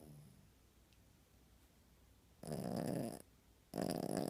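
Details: Snoring from a puppy sleeping under the covers: after a quiet stretch, two short rattling snores on the breath in with a pause between them.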